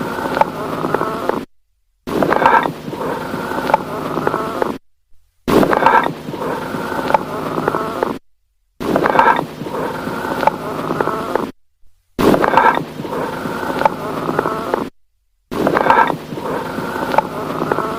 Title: AMPHORIC BREATH SOUNDS | AUSCULTATION | Chris Osei Poku